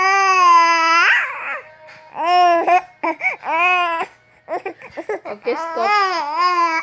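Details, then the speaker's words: Baby boy crying, angry when his cellphone is taken away; the video also shows his hiccups: high-pitched, voiced infant fussing and crying in short rising and falling bursts in a small quiet room. "When I take off his cellphone, he's angry. When close, he's angry."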